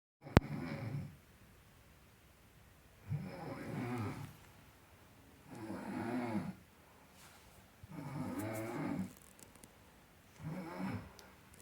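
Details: Rhythmic, moderately loud snores about every 2.5 seconds, roughly 24 a minute, over faint room noise; snoring.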